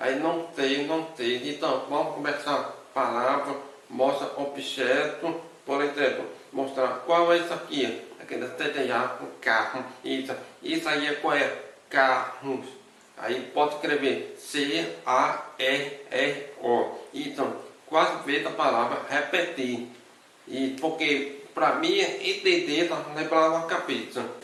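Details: Man with hearing loss since birth; deaf speech.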